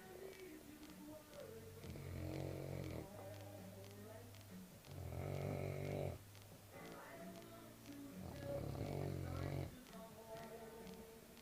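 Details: Senior Cane Corso dog snoring while asleep in the morning: three deep, rumbling snores over about eleven seconds, with quieter breaths between.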